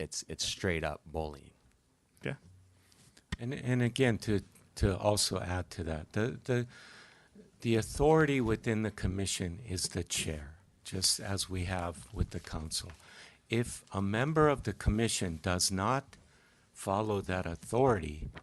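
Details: Adult male speaker; typical speech.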